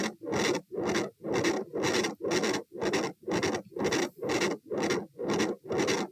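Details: A very loud heart murmur heard at the aortic area, recorded standing and sitting, at a heart rate of 120 bpm.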